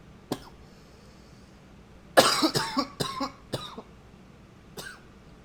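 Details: Coughing recorded with a new high-fidelity microphone: a single cough, then a short burst of about five harsh coughs and one more cough in a quiet room; nose blowing occurs at times.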